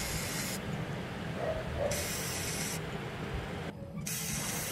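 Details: Fourth session of fractional CO2 laser on the face for acne, after anesthetic cream: steady hiss with high-pitched bursts switching on and off over room noise; described as painful at thin-skinned edges.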